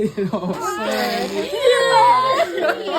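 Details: First cry of a first-born baby boy right after hospital delivery, following more than 30 hours of labour. The newborn cries with staff voices and some music in the background. This is a normal newborn cry.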